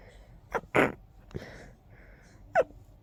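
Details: Very stuffy, congested person: a quick run of three sharp, explosive sneezes with a congested quality in a quiet room; short congested sneezing fit.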